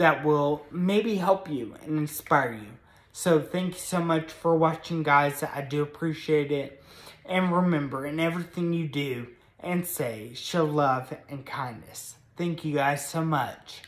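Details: Adult man with moderate Friedreich's ataxia, a progressive spinocerebellar degeneration diagnosed at age 16 in 2007, with speech affected and varying between good and bad days; also has a brain injury from being hit by a car; ataxic dysarthria.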